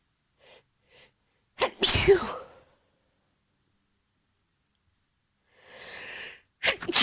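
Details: Morning allergy sneezes from a female: quick sharp in-breaths, then a forceful explosive sneeze and a second starting; sneezing.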